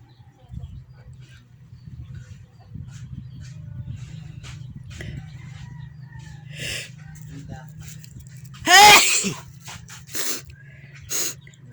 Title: many sneezes Philippines 🇵🇭, please like and SUBSCRIBE thank you 😊